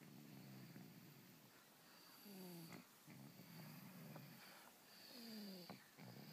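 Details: Sleeping dog snoring: quiet, irregular snores with soft snorts and a faint whistle on some breaths.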